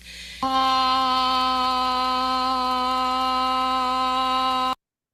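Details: Sustained phonation in abductor laryngeal dystonia, sounding fairly normal.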